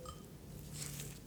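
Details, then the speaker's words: Role-play ASMR medical exam, simulated: a tuning fork is struck and placed at two positions by the ear for a hearing comparison test, giving a faint steady hum, then a sharp tap and a clear ringing tone. "so i've got this little hearing device i'm going to create a vibration i'm going to put it on your ear okay"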